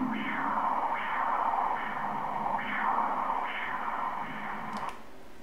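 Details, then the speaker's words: Obstetric Doppler ultrasound at 34 weeks of pregnancy: rhythmic whooshing pulses about 70 a minute from the left uterine artery, PI 1.28, reported normal. Mother's blood pressure reportedly normal. Normal uterine artery Doppler. "Traçado está bem normal da artéria úterina. Artéria úterina direita. 1,32. Está normal."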